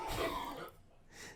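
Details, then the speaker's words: Man with tuberculosis, which he thinks may be dormant, coughing badly for three days: a single short, harsh, dry cough or throat-clearing burst, then quiet. "you good his coughs are bad i heard him cough like all these last three days that sounds horrible"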